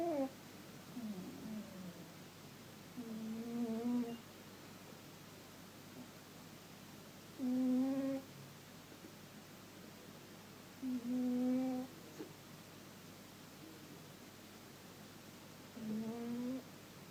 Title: My cat snoring